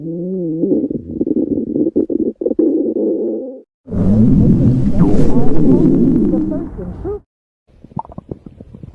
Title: The gotcha stomach growl compilation + stomach growl videos